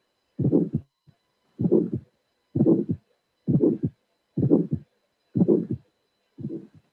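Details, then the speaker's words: Teaching recording of bicuspid aortic stenosis: regular heartbeat near 62 a minute with an early ejection click and a harsh systolic ejection murmur, two elements to identify. "So this is a little bit difficult because, as I shall show you, this auscultatory finding contains two elements that needs to be identified."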